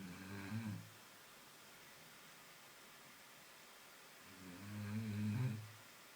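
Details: Dog sleeping at home after a long walk in pouring rain; two deep, low, rumbling snores several seconds apart with quiet between; snoring.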